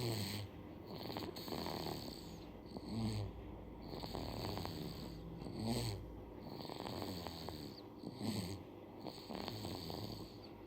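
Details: Sleeping baby snoring: soft, rattling snores with each breath, about 23 breaths a minute, clearly heard.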